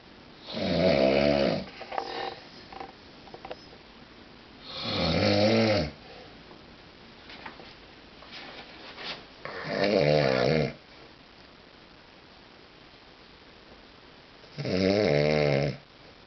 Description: This is my brother snoring his head off..... every night I hear this through the whole house, even with his and my door shut! help!